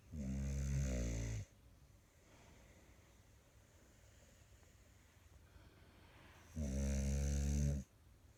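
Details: Snoring: two loud, deep, buzzing snores several seconds apart with quiet breathing between.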